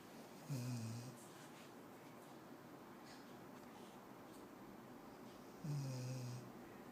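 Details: A 6-month-old Labrador puppy in deep sleep gives two loud, low, rattling snores about five seconds apart over quiet room noise; ordinary snoring.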